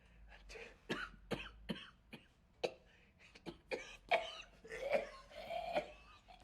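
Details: Cough.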